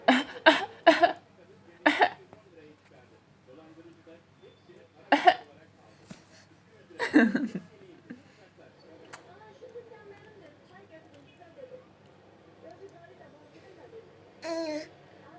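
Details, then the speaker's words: Child playfully fakes a cough: about six short, deliberate coughs in bursts with quiet room sounds between; pretend cough. "Bol bol öksürük numarası yapıyoruz."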